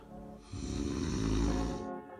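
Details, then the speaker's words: Person's own recorded sleep snoring, raising concern for obstructive sleep apnea: a single low, rumbling snore of about two seconds from relaxed throat tissue vibrating on inhalation, with faint music behind; snoring. "when you sleep your throat tongue and jaw all relax this can narrow your throats airway then when you breathe in all the soft tissue around your throat vibrates causing that awful snoring sound"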